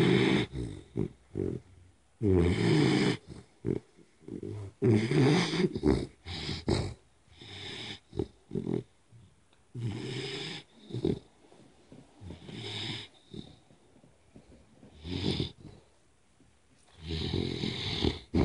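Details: Three-month-old Pitbull puppy asleep on the owner's lap: loud, rough, rattling snores in quick irregular bursts; ordinary snoring.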